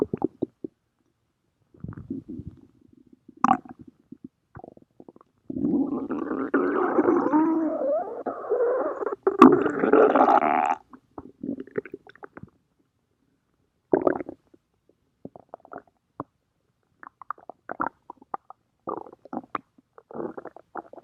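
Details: Stomach growling: gurgling, rumbling noises with one long, loud growl in the middle; ordinary bowel sounds (borborygmi).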